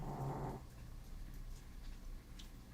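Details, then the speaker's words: One loud, low, rattling snort at the start, then quiet room noise: Bella, a sleeping dog, snoring. "You just want to continuously build this up while Bella snores."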